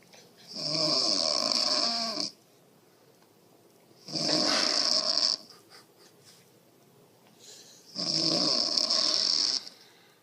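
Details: Mother snoring heavily while a baby reacts: three loud, rasping, hissing breaths about four seconds apart with quiet gaps between them.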